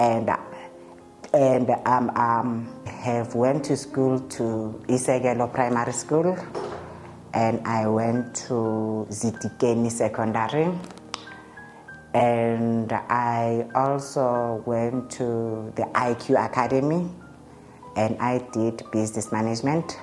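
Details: Adult man's real interview speech; he states he stutters, present since at least grade five (2005), when it caused low self-esteem; stuttering.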